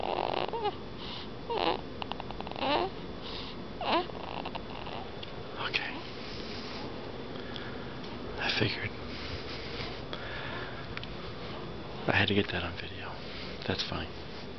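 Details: Newborn snoring on his first night in hospital, about 3:45 a.m.: soft, rattly snoring noises with quick breaths in a quiet room.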